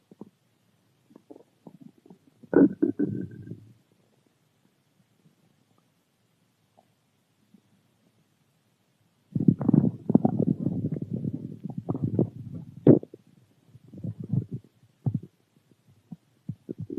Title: Stomach growl